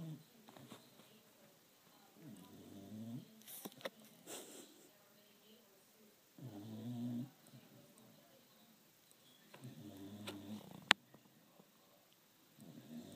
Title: Try not to laugh:funny dog snoring